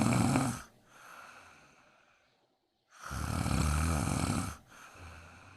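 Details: Woman snoring during a daytime nap, who asks whether she needs a CPAP mask: two loud, rasping inspiratory snores, each followed by a quieter exhalation and a short pause.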